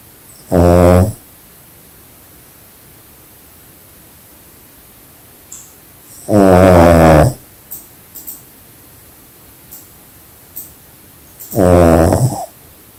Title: Pug Snoring Extremely Loud | #shorts